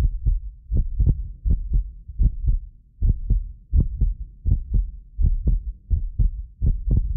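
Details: Real heartbeat of a medically fit person recorded with multiple precision contact microphones: steady lub-dub at about 80 a minute with low hum, occasional doubled clicks from a ~6 ms inter-microphone delay; normal heart sounds.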